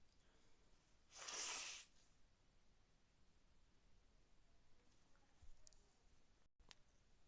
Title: Sick sneezes cold